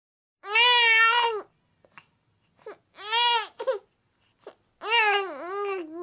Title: Baby Whining Sound Effect